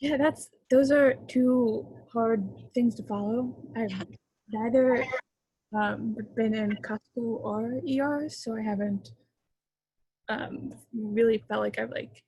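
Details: Young female who stutters, with sound repetitions and word repetitions; real stuttering.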